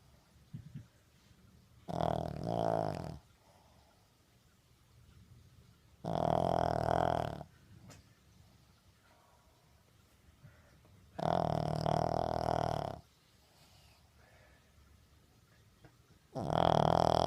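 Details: Snoring from a sleeping King Charles spaniel: loud, rattling snores roughly every four to five seconds, about 14 a minute, with quiet gaps between.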